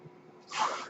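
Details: The speaker's own mechanical ventilator, heard while he talks on a podcast: a ventilator breath cycle.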